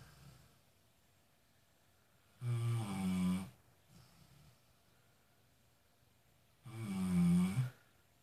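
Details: Two loud, deep, rumbling snores on inhalation with quiet pauses between; snoring.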